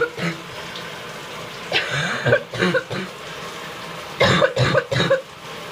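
Several wet coughs and throat clearing with hawking, over steady running water: a loose, phlegmy productive cough.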